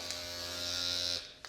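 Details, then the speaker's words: Loud steady high-pitched shaver-like buzz of a Dr. Pen M8S microneedling pen switched on at 0.25 mm depth, 18-needle cartridge, before first-time at-home microneedling of buttock stretch marks, user unsure if the noise is normal; microneedling pen running. "Okay. Is it supposed to make such a loud noise? I don't know. Is this normal? I think it's okay."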